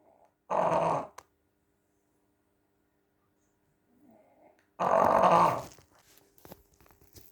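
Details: Snoring, presented alongside notes on snoring in dogs: two loud, rough, rumbling snores several seconds apart in a quiet room.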